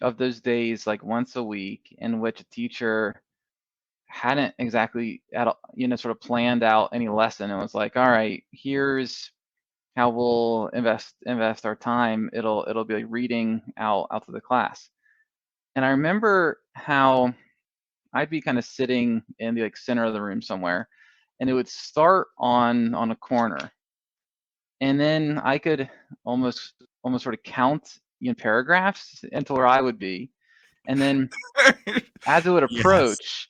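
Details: Adult male who has stuttered since early childhood, first noticed in first grade, now in the MPI2 therapy program; repeated part-words and whole words heard: stuttering.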